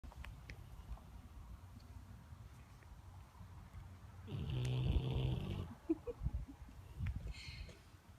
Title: Funny dog videos! Dog sleeping and snoring!